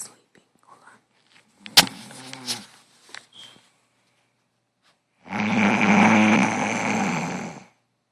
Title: Girl can snore dammnnnn. Snoring loud lmao!!!!! Sh